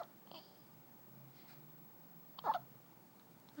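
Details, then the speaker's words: Newborn baby girl less than one day old (7 lb 11 oz, 21 in): a single short, sharp catch in the breath over a quiet room; infant hiccup. "those hiccups miserable thing baby I don't know how you get rid of baby hiccups"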